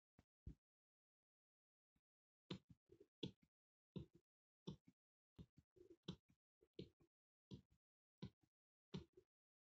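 Quick paired heart sounds through a stethoscope, about 83 beats a minute after a brief pause; a fast heartbeat.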